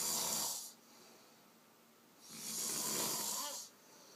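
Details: Snoring in a man asleep on a couch after drinking: two long, hissing, rough breath sounds separated by a quiet pause.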